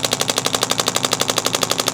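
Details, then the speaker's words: Radial shockwave therapy over a female student's scapular muscles at tender spots, her first session, for backpack-related shoulder pain with noted inflammation; rapid, steady percussive pounding, about 12 strikes a second, like a very strong Theragun slapping the skin. "This is more like a very strong Theragun, so you're feeling that slapping on the skin, and that's even kind of what you're hearing with the treatment as well. You can hear that very percussive pounding back and forth of that instrument."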